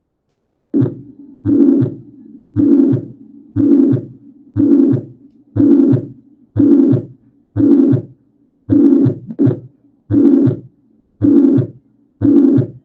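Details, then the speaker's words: Heard at the mitral area (apex): a regular heartbeat near 60 a minute with a long blowing holosystolic (pansystolic) murmur that begins right at S1 and runs to S2. Mitral regurgitation. "Y de esto ya hemos platicado, que es un soplo holosistólico o también conocido como pansistólico, que comienza inmediatamente del S1 y que va hasta el S2."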